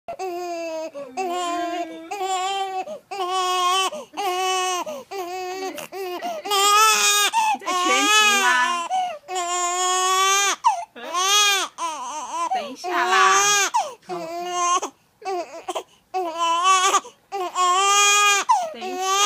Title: cry cry cry